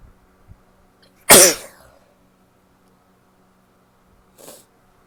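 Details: Female who sneezes once, sharply and explosively, after an itch took a while to set in, then gives a soft sniff or breath in a quiet room; sneeze.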